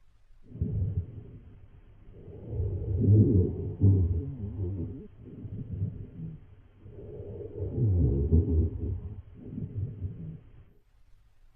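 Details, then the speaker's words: Teaching example of rhonchi from secretions in the large airways, as in bronchitis: low-pitched, snoring, rumbling sounds through repeated breaths. "Roni have a lower pitched snoring quality and arise from secretions in large airways as seen in bronchitis."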